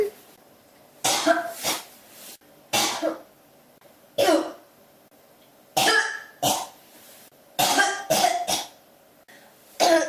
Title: 咳が止まらない48 cough